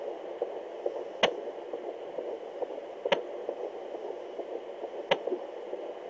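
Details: Fetal heartbeat at about 140 per minute on fast pulses, with sharp fetal hiccup clicks about two seconds apart; hiccups also felt by the mother, heard every 2–5 seconds.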